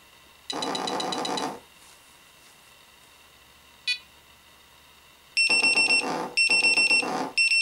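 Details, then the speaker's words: Snuza Hero MD baby breathing monitor that clips onto the nappy, demonstrated lying on a hard flat surface, not on a baby: buzzing vibration, short beep, then rapid loud high-pitched beeping bursts; no-breath apnoea alarm, vibrating throughout. "so that's the alarm it makes it's continues to vibrate even when it's making the really strong alarm"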